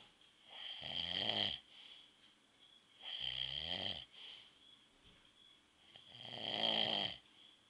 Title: dad snoring (4)